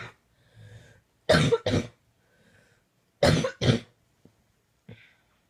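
Two paired bursts of harsh coughing, four coughs in all, separated by quiet breaths; a coughing fit.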